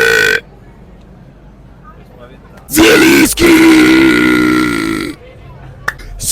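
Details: Ranked compilation burp: a long, loud, voiced belch lasting about two seconds, with room chatter and noise around it; ordinary belching.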